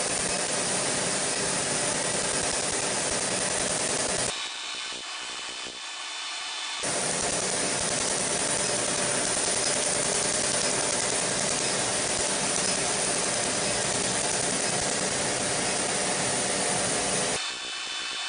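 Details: Laser tattoo removal in progress: rapid, steady buzzing and crackling pulses of the laser working on skin, with one brief pause.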